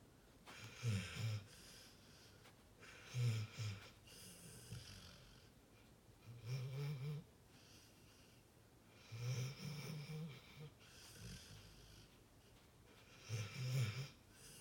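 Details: Sleeping pit bull: soft, low snorting snores about every 2 to 3 seconds in a quiet room; gentle snoring.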